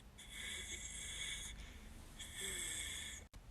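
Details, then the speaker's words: Imitated labored breathing of a person who could not breathe, with a rib and hip crushing the right lung: two long, harsh, wheezy breaths with a brief pause. "the teacher then got a little bit concerned because she could hear that i literally couldn't breathe because this is what my breathing sounded like"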